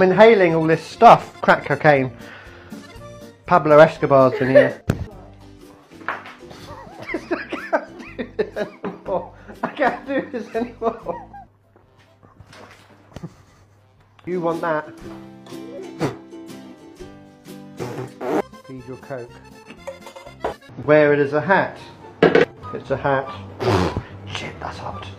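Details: Person with Tourette syndrome and other disabilities, producing frequent vocal tics.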